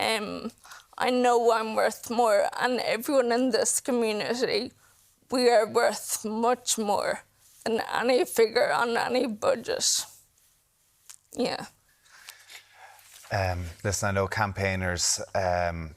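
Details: 28-year-old woman with Friedreich's ataxia, a progressive inherited neurological condition; she reports her speech and her swallowing keep getting worse; ataxic dysarthria.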